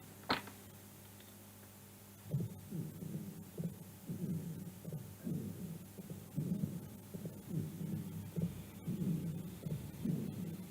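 Low musical wheezing and rumbling sounds of several pitches repeat with each breath over room hum: polyphonic wheezes and rhonchi of asthma.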